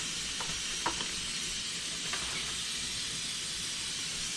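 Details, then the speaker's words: Dental high-volume suction running through an M7 HVE mirror connected to the high-speed evacuation, demonstrated by a dental hygienist: steady airy hiss with faint clicks and slurps, air drawn through holes around the mirror. "now i want to see how this works in action so i'm going to turn on my suction here you can hear it you can see all these holes around the mirror itself"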